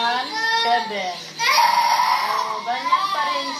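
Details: Young girl crying because her doll's leg broke: wailing, rising and falling sobs; ordinary upset crying.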